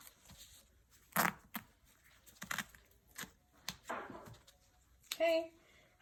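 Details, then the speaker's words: Several short ripping and crinkling sounds of medical tape torn and pressed down in a quiet room, securing an ABD pad over gauze during a wet-to-moist wound dressing change on a patient's leg, recorded at home. "i'm going to now tape it down to secure it secure the dressing down"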